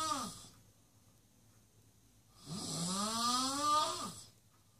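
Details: Two loud snores from a sleeping guest, with a whistling, moaning pitch that rises and falls, separated by a quiet pause: very noisy snoring.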